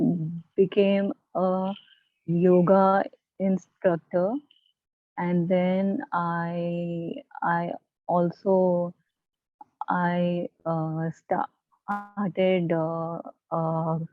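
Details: Adult member of a stammering support group speaking spontaneously, with audible repetitions. Stuttering (stammering).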